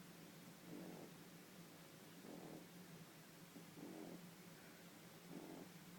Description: Walter the 12 week old Frenchie having a snooze